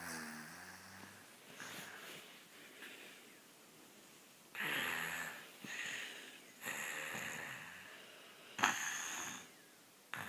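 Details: Sleeping baby during an afternoon nap snoring: soft, irregular noisy breaths with nasal snorting and a faint whistling tone on some breaths.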